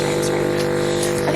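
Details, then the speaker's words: Suction machine running during nasal suctioning of an infant triplet, with much mucus cleared: steady, loud motor hum with a droning buzz; water then suctioned to clear the tubing. "Okay, and then I just suctioned up some water to clear out his suction."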